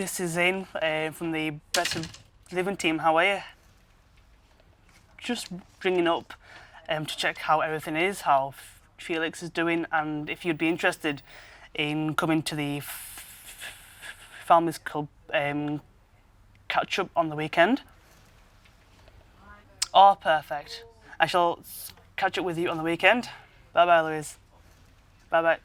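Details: Stuttering (stammer) in a 23-year-old man, blocks and repetitions at the start of a work phone call.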